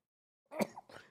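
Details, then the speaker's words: Male streamer with bad allergies: one brief, quiet, clipped sneeze with a short burst of air and a soft voiced tail, one of a run of repeated sneezes. "chat my allergies really bad"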